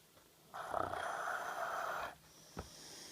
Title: RAIDA snoring with chew toy in his mouth